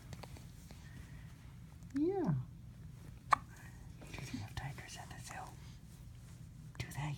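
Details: Young infant, 10 weeks old, gives a rising squeak followed by one short, sharp hiccup against a low room hum: hiccups.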